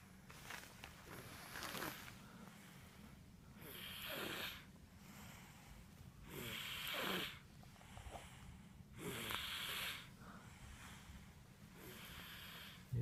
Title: Baby Snoring Sleeping #shorts #cutebaby